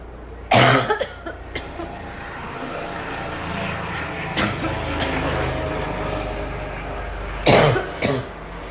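Several harsh, explosive cough bursts in short groups over steady background traffic noise; a choking, barking coughing fit.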